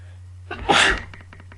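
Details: A single loud, explosive sneeze with a short in-breath before it, in a quiet room, during an allergy attack; sneezing.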